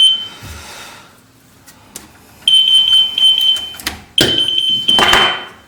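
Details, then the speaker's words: Repeated high-pitched electronic alarm tones from a Siare transport ventilator switched on with its oxygen cylinder closed, signalling no oxygen supply; ventilator oxygen supply failure alarm. "Я включив прилад балон закритий тобто немає подачі кисню бачите червоний сигнал тривоги подача кисню"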